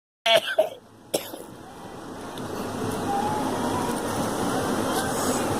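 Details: Two or three sharp cough bursts, then a throat-clear, with rising traffic noise outdoors: coughing.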